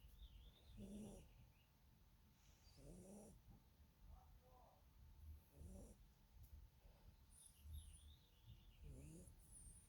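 Soft, short snorting snores from a small sleeping dog, repeating every two to three seconds, with faint background noise. Snoring.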